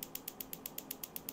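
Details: Rapid, evenly spaced sharp clicking pulses, about eight per second, from a focused shockwave device at 0.15 held on a painful Achilles tendon insertion in a podiatry office; focused shockwave therapy.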